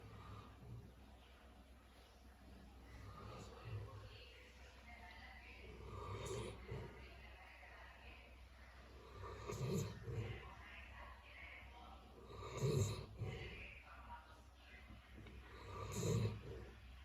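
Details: Sleeping Rajapalayam dog snoring "like a lion": low rumbling snores with snorting bursts, about 18 a minute, over steady background hum.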